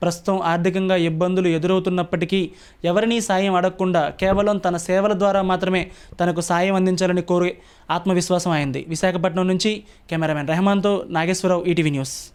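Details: Adult male news narrator; Normal speech.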